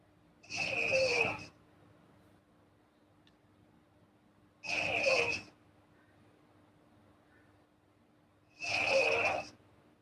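Hissing, airy noises with a light flutter repeat about 15 times a minute over a faint steady hum; soft snoring.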